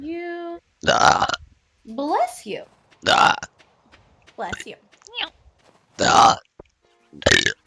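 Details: Repeated burping from a vtuber's stream compilation: about five loud, rough belches with brief voiced sounds between.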